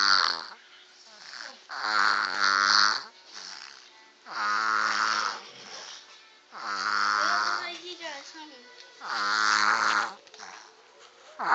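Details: Baby snoring: repeated nasal, buzzy snoring breaths roughly every two to three seconds, with faint background music.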